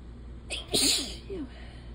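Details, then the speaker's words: Single sharp sneeze with a quick inward breath before it, quiet room, from a person with a runny nose, sore throat and hoarse voice who attributes it to allergies; sneeze. "oh I just pissed off my cat and I I have to I have to I'm just sneezing"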